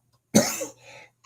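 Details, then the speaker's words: Adult with a cold (hoarse voice, watery eyes, sneezing for several days) coughs. "And my eyes are watering, and I'm coughing and sneezing."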